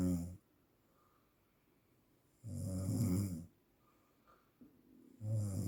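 Loud rough snores about 2.5 seconds apart, with quiet pauses between; snoring linked to sleep apnea.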